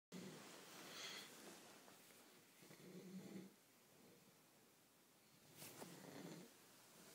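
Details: Snoring: three rough, rattling inspiratory snores, about one every two to three seconds, in a quiet room.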